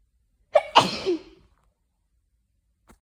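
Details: Afternoon sneezing fit from hay fever: a single loud sneeze with a sharp intake and explosive release, then quiet.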